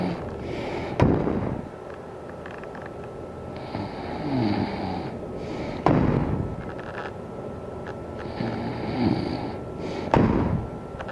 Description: This video is on snoring